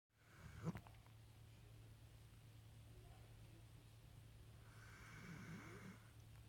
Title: Tucker snoring